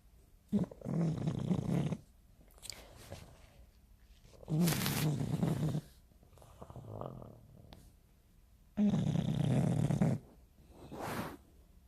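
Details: English bulldog snoring loudly: coarse, rattly snores, each followed by a quieter breath out, in slow cycles; ordinary heavy snoring.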